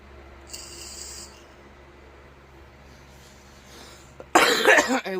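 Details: Adult coughing while vaping and talking: quiet room hiss, then a sudden loud burst of harsh coughs near the end.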